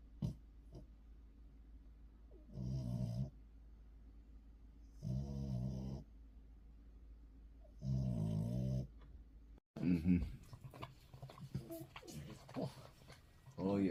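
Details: Three rattly snoring breaths about every two and a half seconds in a quiet room, followed by rustling and licking sounds.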